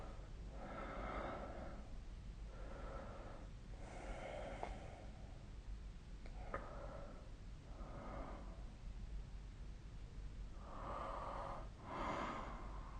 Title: 🐽 Snoring Sleep Sound